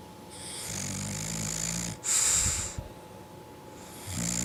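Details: A low, rattling snore on the in-breath, then a quieter out-breath, with the next snore starting at the end; ordinary snoring.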